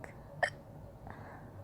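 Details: Woman's hiccup, heard while she is talking.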